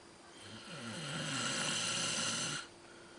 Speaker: ¿Estás roncando? ¿No? Ahora vas a ver si roncas o no.